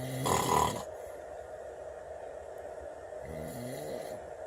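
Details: Adult snoring in sleep at 2:30 a.m.: loud rattling snore, quiet pause, then another snore building; heavy snoring.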